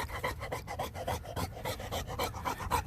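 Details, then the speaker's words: An 11-month-old Renascence Bulldogge breathes heavily during an off-leash hike with no rasp at the back of the throat; the owner credits breeding without an elongated soft palate. Normal heavy panting without stertor. "see again he's breathing heavy you don't hear that nasty rasp in the back of the throat and that's because I've over the generations read these guys do not have that elongated soft palate"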